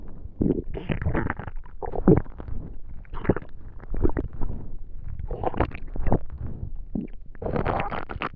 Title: Digestion stomach noises